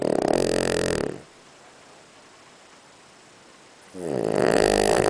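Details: A Boston terrier dog sound asleep and snoring: a loud rattling snore on one breath, a few seconds of quiet, then the next snore begins.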